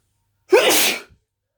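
A single sharp sneeze with a quick intake and an explosive hissing release.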